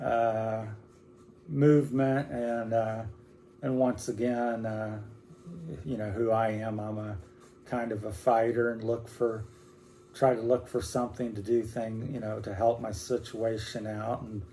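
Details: Man about 60 with Parkinson's disease that began four or five years earlier, affecting his whole body including speech and movement, with hand tremor; hypokinetic dysarthria (Parkinsonian speech).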